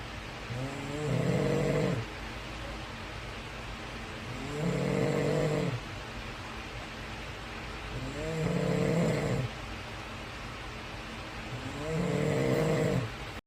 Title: My baby wakes up on his dad snores #shortvideo #usa #shortsviral #shorts #usa #fypシ